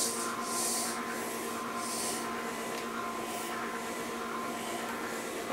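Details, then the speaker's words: Spectra Dew 350 double electric breast pump switched on and turned up slightly, not attached to the body: steady quiet motor hum with soft rhythmic suction hissing pulses about once a second. "hear a little bit of suction coming from here and I can't really test out the amount of suction without putting it on but that is very very quiet just like it says"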